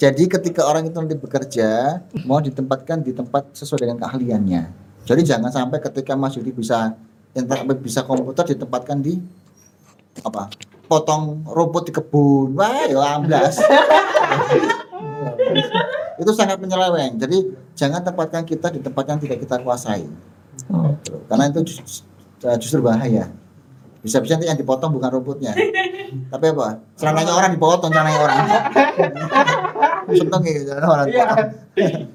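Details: Adult man speaking; ordinary speech.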